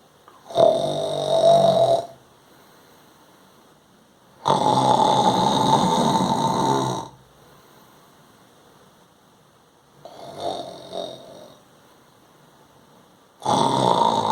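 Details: Loud, harsh, rattling snores in long bursts with quiet gaps; an adult imitating nasal snoring during sleep, not real snoring.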